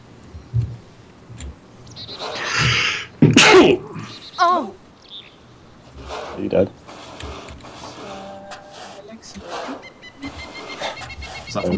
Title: death by sneeze